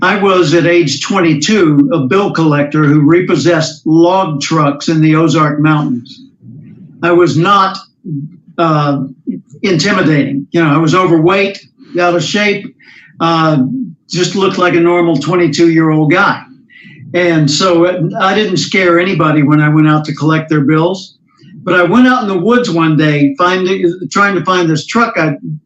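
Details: Adult male speaker; no speech disorder.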